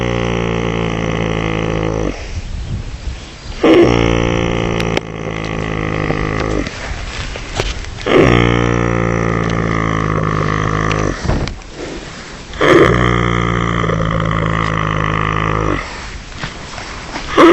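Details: Horse asleep on a meadow snoring: loud, drawn-out rumbling snores with short pauses between them, about four in 17 seconds.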